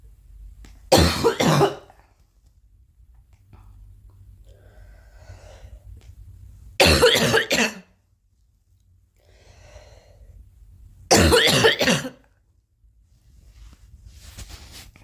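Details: Cough from a girl: three separate coughing bouts, each a quick burst of a few coughs, with quiet breathing in between.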